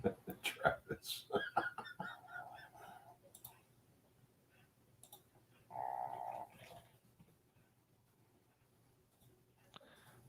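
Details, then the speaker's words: A pug snoring: a few clicking sounds, then two drawn-out nasal snorting breaths separated by quiet, in a quiet room. "the pug snoring is almost like Marla's fiance. You hear it?"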